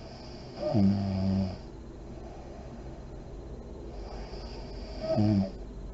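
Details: Adult woman (a mother) asleep with lights on, described as deep REM sleep: two loud, buzzing, rattling inspiratory snores about four seconds apart with quiet breathing between; snoring.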